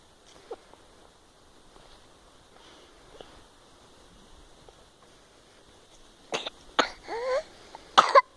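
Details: After several seconds of near silence, three or four harsh cough bursts, one followed by a squeaky, whistling breath in: a coughing bout.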